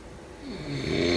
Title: Snoring sounds…